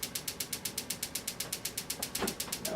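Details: Extracorporeal shockwave therapy on a man's Achilles tendonitis at his fifth visit, intensity set around 10–12: a steady train of sharp mechanical clicks, about eight per second, with faint room sound.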